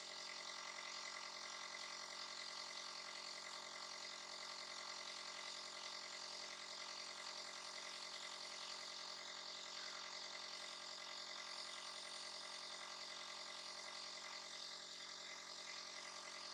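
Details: Steady mechanical buzzing hum of a nebulizer used as a breathing aid for a little one who coughs and sneezes; no breathing or coughing heard over it; nebulizer running.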